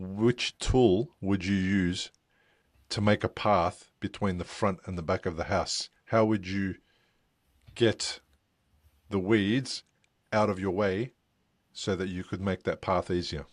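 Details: Adult male speaker; ordinary speech.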